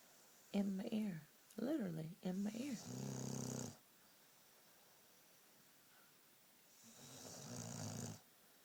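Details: Sleeping pit bull dog: a rough, fluttering breath sound on inhalation, heard twice, after a person's voice; snoring.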